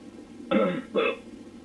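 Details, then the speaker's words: Adult male recording his own hiccups at 3:04 a.m., audio only: two brief voiced gulping bursts close together, like a throat sound or small burp; hiccups. "hey um I'm making this recording for everyone to listen to these hiccups of mine"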